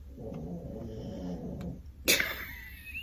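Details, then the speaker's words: Elderly pet dog asleep: low, rattling snore runs steadily about two seconds, then a sudden sharp snort or huff; snoring. "boy Gigi's really snoring now my talkie must put him to sleep"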